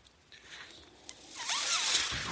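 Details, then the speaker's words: Speaker's own mechanical ventilator breath cycle: a quiet room, then a rising airy hiss with faint whistling tones as the machine delivers a breath. "Hello everyone. That noise you're hearing is my ventilator."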